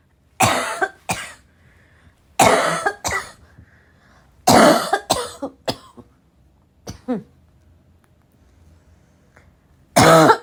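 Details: A woman coughs hard with a raspy, barking cough in repeated harsh, forceful bursts, with throat-clearing and snorts between them, in a quiet room: a coughing attack.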